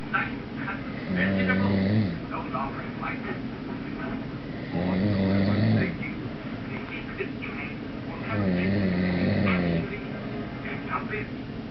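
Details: Loud, deep, rasping snores about every three and a half seconds, roughly 16 a minute, over steady background hum: heavy snoring.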